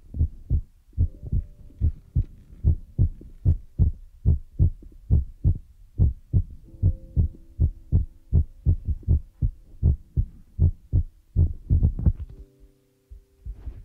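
Repeated low thumps, roughly 75 a minute, with faint humming tones; a heartbeat-like rhythm.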